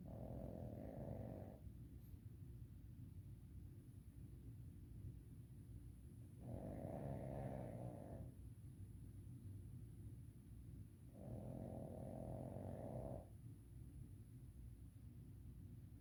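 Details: Pug snoring: three long rattling snores about five seconds apart, roughly 12 breaths a minute, over quiet room hum.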